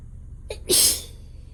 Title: Failed nap, couldn’t stop sneezing